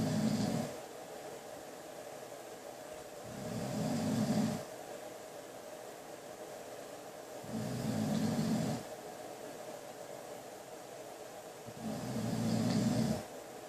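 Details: Snoring from a sleeping adult man who claims he just breathes heavily: low, steady rumbling snores about every four seconds, roughly 14 a minute, over a faint room hum.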